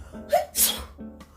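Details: Acted sneeze in a comedy sketch about the "period sneeze", by a woman at work on the phone; a sharp inhaled catch, then one forceful sneeze over background music.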